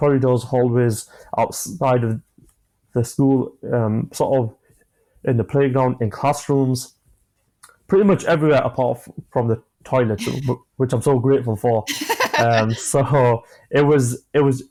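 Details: 25-year-old man who has stammered since childhood, speaking in a podcast interview; stammering.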